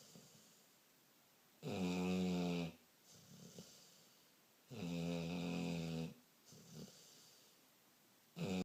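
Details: Low, rattling inspiratory snores with quiet exhalations between, about 18 breaths a minute; snoring during sleep.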